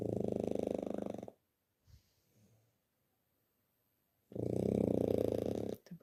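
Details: Snoring in a small one, jokingly called a snoring monster: two loud, buzzing, fluttering snores separated by a silent pause, with a heavy vibrating quality on each breath.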